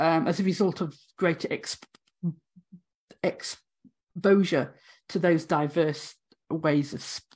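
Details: Adult woman, former university lecturer of 18 years, who has a real stammer; stammering (stuttering).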